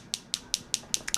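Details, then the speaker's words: Focused shockwave therapy unit (Storz Medical) applied to the neck for neck pain from spinal ligament injury during a live patient demo: crisp, high ticking pulses about five a second, quickening at the end. "this technology this amount of energy coming from the focus unit is going to be able to get down to the ligament area we can actually start to more or less like to say knock on the joint door here as we get into this so here we go so it has a completely different sound than the um"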